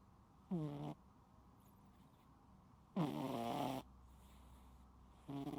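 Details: Sleeping cat, unedited recording: three loud, rough, voiced snores at irregular intervals with quiet breathing and low room hum between; snoring.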